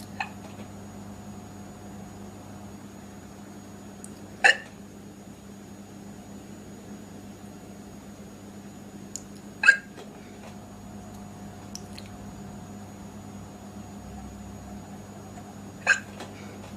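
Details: Girl with hiccups: three sharp, sudden hiccup sounds roughly every five to six seconds over a steady background hum.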